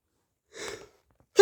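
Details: Hay fever sneezing: a single brief, airy sneeze-like burst, with the start of another at the very end.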